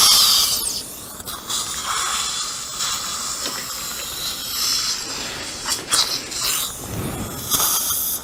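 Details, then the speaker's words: Upper second molar with fused single-like root, sectioned further with a diamond bur during extraction before immediate implant placement: high-pitched dental drill whine starting and stopping, with water spray and suction noise. "Tốt hơn là tôi nên cắt nó đi Làm ơn cho tôi một mũi khoan kim cương Một ít nước chảy ra Rễ không bị chia cắt Nó dính chặt như một rễ đơn Tôi cần cắt nó nhiều hơn, giống như vậy"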